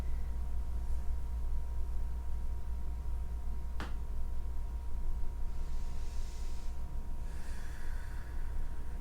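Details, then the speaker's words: A single sharp crack from the neck during a yoga twist, over low room hum and soft breathing. The neck is said to always crack in these twists; this is harmless joint crepitus. "I don't know if you can hear that at home but my neck always cracks and these twists and it's a great indication that it's working so if you're getting some snaps and crackles all the way to it's a good sign doesn't mean you're falling apart"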